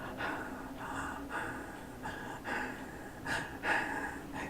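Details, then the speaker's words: Imitated shallow, irregular breathing with brief weak breaths at about 50 a minute; demonstration of hypopnea, breathing but not fully, contrasted with normal breathing. "like that that kind of breathing somebody's breathing but not breathing you know fully."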